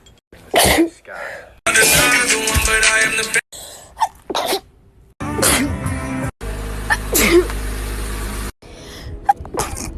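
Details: Several sharp sneeze bursts from a female with breathy intakes, loud music and talk in the background; ordinary sneezes.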